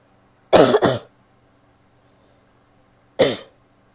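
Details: Adult woman coughing in a quiet room: three sharp, fairly dry bursts, a quick double cough, a pause, then a single cough.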